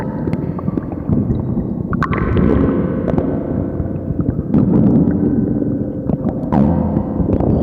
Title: Lupi's very loud stomach growl 💔